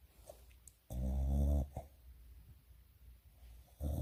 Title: 코고는 멍 멍 이 a snoring dog